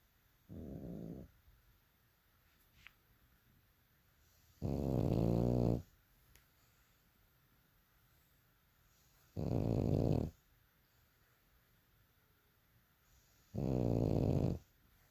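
Loud rattling snores in a quiet room, four in fifteen seconds, roughly one every four seconds, evenly spaced: snoring.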